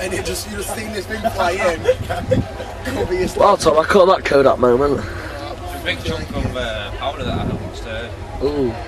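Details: Adult man speaking outdoors; ordinary speech.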